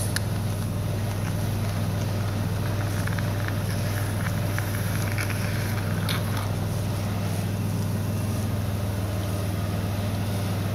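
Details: Suction machine clearing a newborn girl's nose and mouth through a size 6 NG tube: a steady, loud, low motor drone with faint gurgling and clicks.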